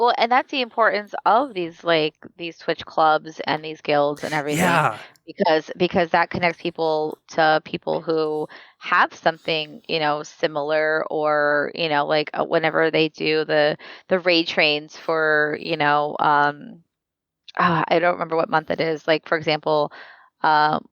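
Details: Adult speaker; normal conversational speech.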